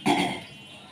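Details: Single harsh cough burst fading quickly, faint room noise; cough attributed to a lung nerve ("saraf paru") problem.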